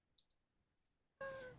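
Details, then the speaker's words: Child/infant, webinar case video: after faint clicks, a loud high-pitched noise on inspiration from turbulent airflow through a narrowed upper airway: stridor. "and Strider is a high pitched noise that occurs on inspiration and is uh the noise essentially of the turbulent air flow that uh the infant is generating by drawing air in through a narrowed area"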